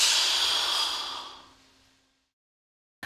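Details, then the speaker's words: Respimat inhaler use: mouthpiece between teeth, lips closed, button pressed during slow deep inhalation through the mouth; long, slow hissing in-breath fading over about two seconds, then silence. "Pendant que vous inspirez lentement et profondément par la bouche, déclenchez le bouton et continuez à inspirer aussi longtemps que possible."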